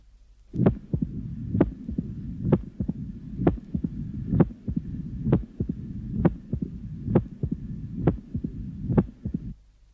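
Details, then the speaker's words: Mitral stenosis: heartbeat about 65/min with a sharp, loud mitral component of the first heart sound. "here is an example of the loud mital component of the first heart sound commonly heard in mitol stenosis"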